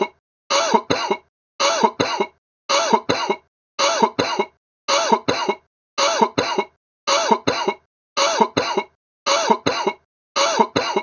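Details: Sick cough sound effect: about ten identical harsh, throaty, wet-sounding double coughs, evenly spaced roughly once a second, like one looped sample.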